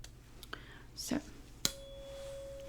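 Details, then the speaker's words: Soft rustling and a clink, then a struck tuning fork rings as a steady pure tone, held at the ear in a role-played ASMR hearing test comparing higher and lower frequencies. "now I'm going to use these and they make different tones the smaller ones are higher frequencies and the larger ones are lower"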